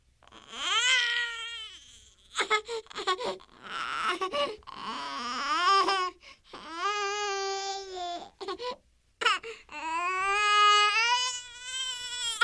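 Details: Newborn crying, sound-effect recording: long, loud, high-pitched wails separated by short gasping breaths.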